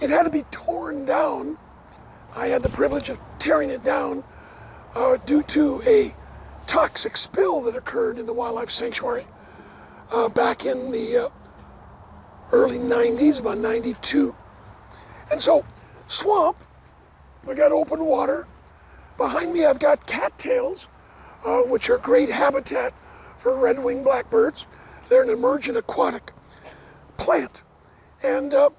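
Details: Adult man with dysphonia after partial vocal cord resection: two bouts of vocal cord cancer, one third of the vocal cords removed in 2008, leaving a raspy voice; never a smoker, cancer probably caused by secondhand smoke.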